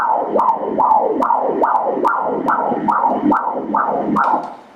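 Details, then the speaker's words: Normal fetal heartbeat on umbilical cord Doppler at 31 weeks' gestation, baby lying face down: rapid, regular whooshing pulses at 142 beats a minute, within the stated normal range. "repara que o cordão umbilical são duas artérias de uma veia nós podemos ouvir as batidas do coração no cordão umbilical"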